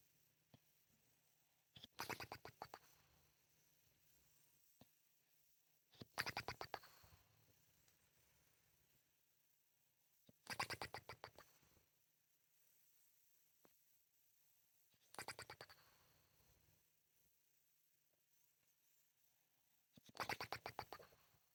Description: 11 years old and Apollo the English Bulldog is still flapping his lips when he snores.